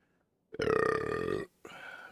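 One long, loud, voiced belch lasting about a second, then a softer trailing vocal sound; a burp.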